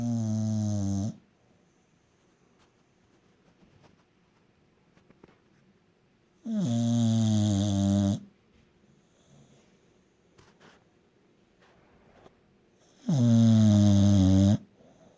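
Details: Peaches, a sleeping animal, smiling and snoring: three long, deep, droning snores about every six and a half seconds, with quiet breathing between.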